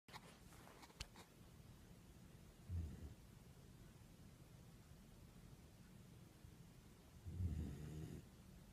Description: and no, it is not me making the noises. that is actually my puppy snoring like a human being